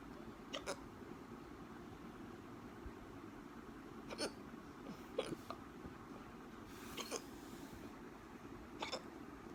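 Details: Hiccups: five or six faint, brief hiccup sounds spaced a second or two apart over steady room noise.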